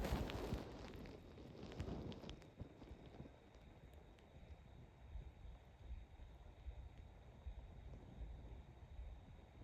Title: Stomach Growling for Breakfast!!!! #stomachgrowl #hungry #breakfast